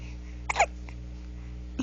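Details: 1-month-old baby boy with hiccups, who had a latching issue: two brief, sharp infant hiccup sounds over a steady room hum.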